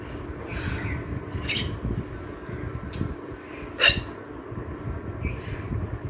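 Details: About five sharp, abrupt hiccups spaced a second or so apart, over background noise, during a hiccups challenge while eating spicy pasta.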